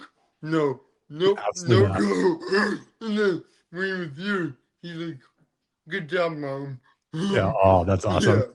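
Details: Adult man born with cerebral palsy, which affects his neck muscles, giving a deeper voice and making talking hard; dysarthria (cerebral palsy).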